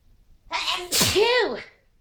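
One sneeze: a quick intake of breath, then a sharp explosive burst with a voiced tail.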